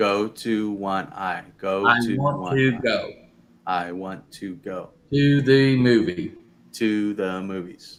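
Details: Adult man; aphasia.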